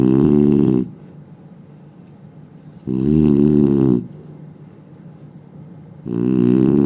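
Loud, rattling snores on each breath in, about 1 s long, with quiet breathing out between; roughly 20 breaths a minute.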